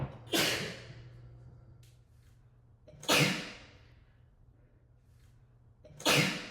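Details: Three forceful, hissing sneezes about three seconds apart, echoing in a small hard room: a rapid sneezing fit.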